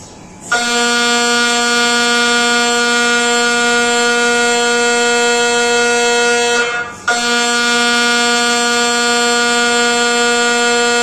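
Loud steady buzzing drone, briefly stopping and restarting, from an MRI scanner running a brain scan; normal machine noise.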